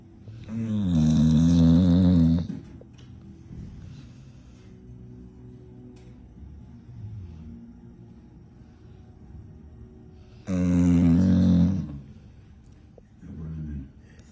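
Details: Female dog sleeping and dreaming: loud, low rumbling snores about ten seconds apart with faint quieter breaths between, TV dialogue in background; ordinary snoring.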